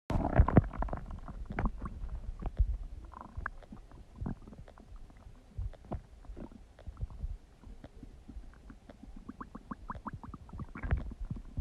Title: Huge Stomach Digesting Noises | My Stomach Makes Noises